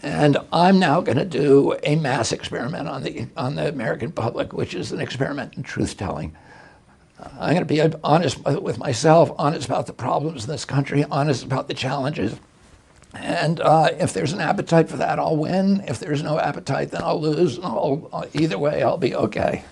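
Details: Adult male with spasmodic dysphonia; he reports a very strong voice until age 42, then onset in 1996 after a neurological injury, which he attributes to his brain sending wrong signals to his vocal cords.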